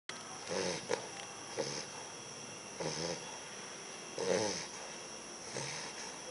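Short, irregular rattling snores from a sleeping puppy, about five in six seconds, with faint snorting between them.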